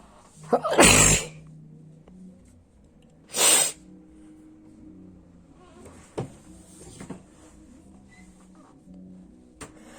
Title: Sneezing